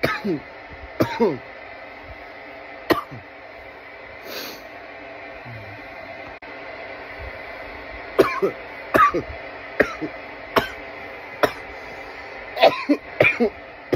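Bursts of sharp, dry coughs in fits over steady room hum; an irritant cough after inhaling smoke.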